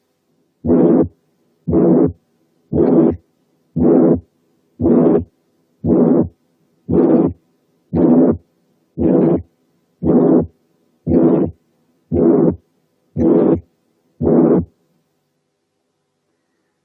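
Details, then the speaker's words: Ventricular septal defect: regular heartbeat near 58 a minute with a pansystolic murmur filling systole, somewhat harsher than that of tricuspid incompetence. "تاني differential diagnosis هو الventricular septal defect. ده بيدي pansystolic murmur بالشكل الآتي."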